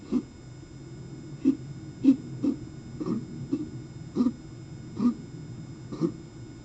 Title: coughing 29 Jan 21